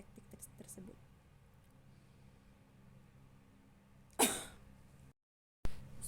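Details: Nursing demonstration of effective cough (batuk efektif): quiet breathing, then deep breaths taken twice, followed by one strong forceful cough to clear airway secretions.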